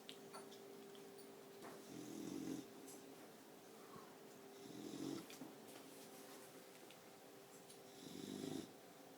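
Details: 4-month-old Boxer puppy sleeping: soft, raspy snores about 20 a minute over a steady faint tone in a quiet room; snoring.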